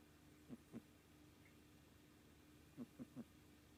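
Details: A 3.5-month-old kitten weighing 2.75 kg makes strange noises when sound asleep; the owner wonders if its weight is the cause: snoring.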